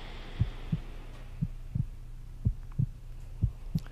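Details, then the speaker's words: Steady paired lub-dub heartbeat at about 60 beats a minute over a low hum, played in the background of a qigong breathing exercise; listeners count heartbeats per inhale and exhale. "now you'll be hearing the heartbeat in the background so try and count your breathing how many heartbeats as you inhale how many heartbeats as you exhale"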